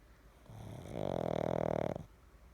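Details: Pug snoring: a single loud, rattling snore on the in-breath, typical of a short-nosed dog.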